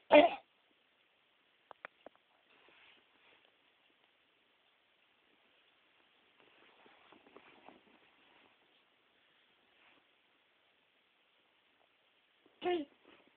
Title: cough